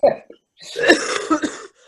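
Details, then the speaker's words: An adult with a cold gives a sharp cough, then a longer harsh, rough coughing burst with a hoarse edge; she says she sounds like a barking seal and her voice has deepened: barking cough. "I've got a cough that, like, I sound like a barking seal, and my voice has changed to a bass."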